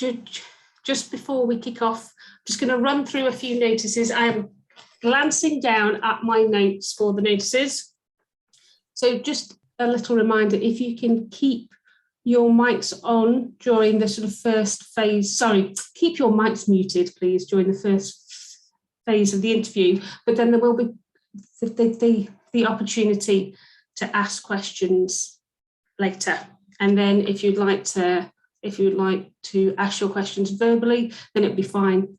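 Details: Adult woman speaking; fluent speech.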